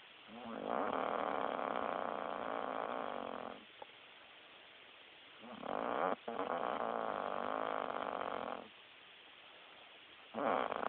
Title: Chick snoring hardcore lol